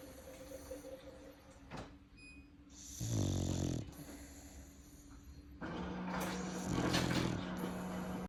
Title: Snoring Exotic Bully